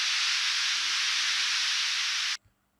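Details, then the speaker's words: Default tinnitus masking noise from a hearing device's masking function: a steady bright hiss like high-pitched static, lasting about two seconds, then cutting off abruptly. "Many sufferers find that a noise that covers (or "masks") their tinnitus distracts their attention from the tinnitus itself, providing some relief. Here is an example of the default noise produced in the BeHear Tinnitus Masking function."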